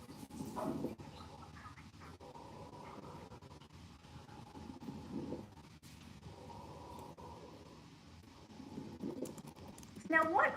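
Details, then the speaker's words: Teaching audio of coarse crackles: low, discontinuous bubbling, gurgling crackles with each breath over the large airways such as the bronchi, not cleared by coughing, from air passing fluid or thick mucus. "these quartz crackles tend to sound like a gurgling or bubbling sound that is not cleared with coughing and again let's listen to this audio of course crackles"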